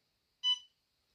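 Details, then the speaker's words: Enraf Nonius Endolaser 120, 800nm cluster probe for plantar fasciitis: single short high electronic beep on pressing OK after setting 100 milliwatts, 40 seconds, 4 joules per point, device confirmation beep before treatment. "once we've selected our treatment parameters we press ok"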